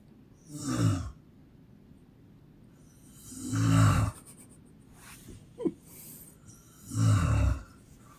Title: My Mom Snores like a Horse 🐎🐎🐎